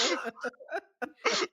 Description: I am coughing a lot